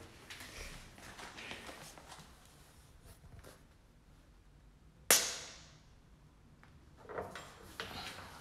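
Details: Needle-free pressurized mesotherapy injector fired at a higher volume setting to show deeper spread: a single sharp, loud pop that quickly fades, amid quiet handling noise.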